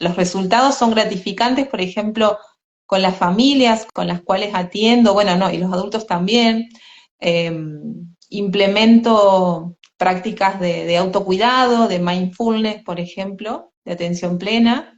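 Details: Adult woman speaking Spanish; normal speech.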